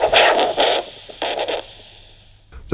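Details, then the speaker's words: Handheld Dopplex Doppler probe at the posterior tibial artery (dorsalis pedis too weak) during segmental pressure testing of a diseased leg with stenosis, ankle pressure 75 vs brachial 170: damped whooshing pulsed arterial signal that fades. "probe is at the posterior tibial artery, as the dorsalis pedis signal is too weak to record."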